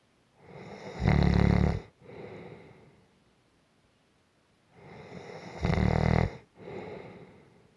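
Two breath cycles, each with a loud rumbling snore on the in-breath followed by a softer out-breath; gentle, regular snoring.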